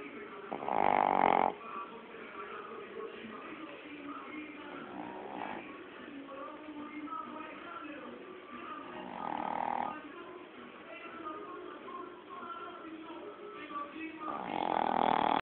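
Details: Sleeping pet dog snoring: loud rattling snores recurring every few seconds, with quieter breathing between; ordinary snoring.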